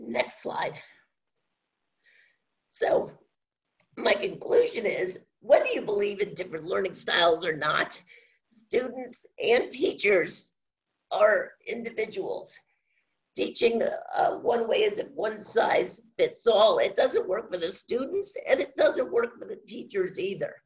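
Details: Adult woman with spasmodic dysphonia, which she says has no cure and began around 2010, progressively worsening since; she was awaiting a Botox injection that her doctor postponed; spasmodic dysphonia.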